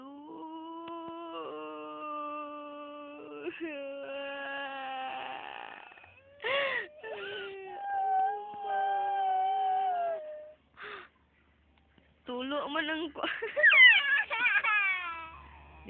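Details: Infant crying: long, high, wavering wails broken by brief pauses and fussing sounds, with music and adult talk around.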